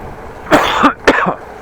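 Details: Two short, loose coughs from an adult outdoors on a windy day, with wind and traffic noise in the background.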